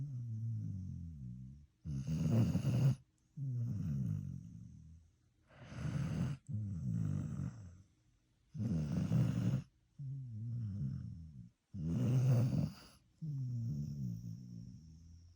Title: When a dog snores, it's cute, but when a human does, it's annoying. #shorts #snoring #dogs